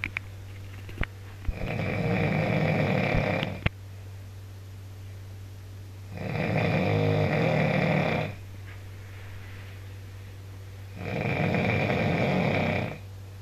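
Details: Backpacker snoring, recorded on a mobile phone: loud rough snores, about 13 breaths a minute, over a steady low room hum.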